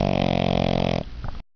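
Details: Snoring during sleep: one loud, buzzing, fluttering snore followed by softer breath noise; snoring.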